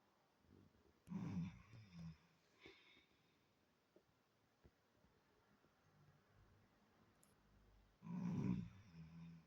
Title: My Dad Snoring His head Off Really Loud